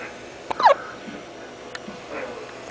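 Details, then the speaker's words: 45-day-old baby asleep: brief abrupt hiccup with a fainter second catch in a quiet room; hiccups. "i know you can't see zion but he's having yeah that's him having hiccups and he's falling asleep and actually he's asleep wake up evidence that hiccups the mother babies because he's asleep"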